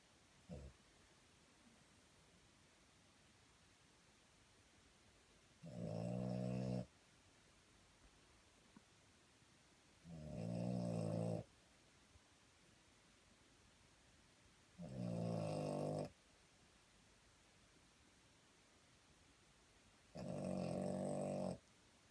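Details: Either a sleeping child or a dog (uncertain which) gives four loud, buzzing, rattly snores at a steady rhythm of about 13 breaths a minute.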